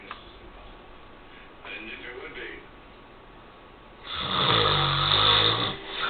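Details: Adult man snoring while asleep: faint breath noise, then a loud, harsh, rattling snore lasting about two seconds, slightly muffled recording; snoring.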